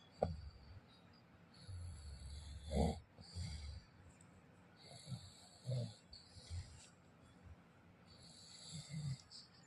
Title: My Father snoring/ குறட்டை 😂😂